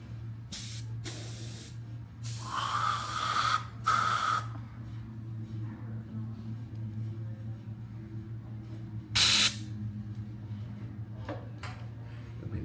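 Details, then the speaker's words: Several loud hissing spray bursts over a low mechanical hum from a dental air-water syringe test-fired after dental unit rheostat repair, working normally. "I can get down syringe. This is an air water syringe."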